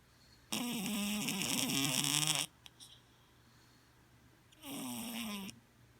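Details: Sleeping cat, a former stray: two loud, rattling, buzzy breaths with wavering pitch and a quiet pause between; snoring.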